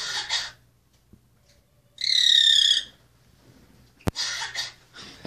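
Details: Harsh, raspy high-pitched bursts and a squeaky whistle from a grackle at Willowbrook Wildlife Center, Glen Ellyn, IL, so cough-like that onlookers first thought a nearby man was coughing: cough-like bird call.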